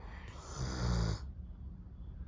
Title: Snoring doberman #shorts #doberman #pets #dog